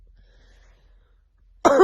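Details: Single brief cough or throat-clearing burst at bedtime after eating apples with almond butter, said to cause coughing and throat clearing; something felt in throat: cough / throat clearing.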